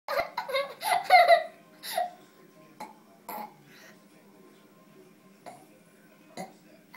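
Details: Burping on cue by a 5-year-old boy: a rapid run of short voiced burps, about six in the first two seconds, then a few softer ones with quiet between.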